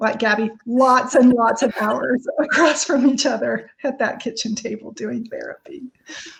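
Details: Adult woman speaking; no disorder.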